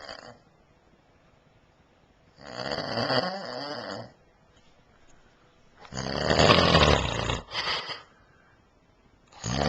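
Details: Adult man (husband) asleep, filmed on a Flip Video camcorder, snoring: loud, rattling snores on each breath, spaced a few seconds apart with quiet pauses; ordinary heavy snoring.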